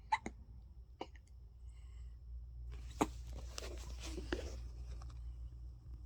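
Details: Several brief, abrupt hiccup clicks with a catch in the breath, irregularly spaced, in the morning, over low room hum; likely a baby; hiccups.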